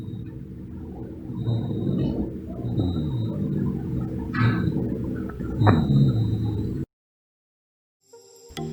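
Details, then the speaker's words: Dry rhonchi example: low-pitched, continuous snoring and rumbling chest sounds, mainly on expiration, from mucus or secretions in the large bronchi. "mbahan yang terdengar continue terutama waktu ekspirasi disertai adanya mucus atau sekret pada bronkus ada yang high pitch atau menciut misalnya pada asma"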